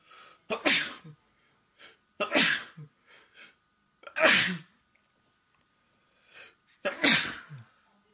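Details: Man and woman at home, both sick with a cold and congestion: four forceful sneezes, each a sharp hissing burst after a short intake of breath, in a quiet room; sneezing.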